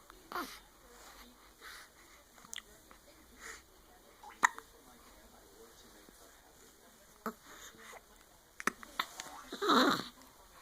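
Brief sharp gulping catches recur at irregular intervals over about ten seconds, in a quiet room: hiccups.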